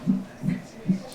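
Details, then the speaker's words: Fetal heartbeat of a baby girl on a maternal monitor at a pregnancy check-up six weeks before due date, monitored for 20 minutes while mother presses a buzzer at each movement; soft, muffled rhythmic whooshing beats. "so yeah i'm strapped up to the monitor and basically her heart is being monitored for 20 minutes"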